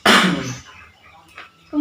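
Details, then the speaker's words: Effective cough technique demo in nursing health education for a man: inhale for 3 counts, hold 3, exhale slowly through pursed lips, two deep breaths, then a third breath with one strong, forceful voluntary cough fading over half a second. "kemudian nafas dalam banyak dua kali [Musik] yang ketiga disatukan dengan kuat"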